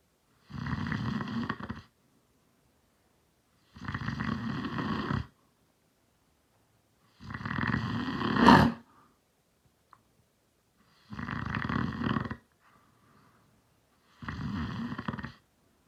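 Five loud, rattling snores at about 19 per minute, with silent pauses between them and a brief snort in the middle one.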